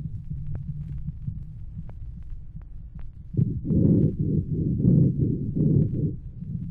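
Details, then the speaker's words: Child with upper respiratory infection, increased respiratory rate, no lung pathology: rapid, coarse harsh breath sounds with occasional low rumbling rhonchi. "Los médicos comúnmente se encuentran con un niño que tiene una infección respiratoria alta causante de un aumento de la frecuencia irroncantes ocasionales, así como ruido respiratorio rudo sin patología pulmonar. Escuche a uno de tales pacientes."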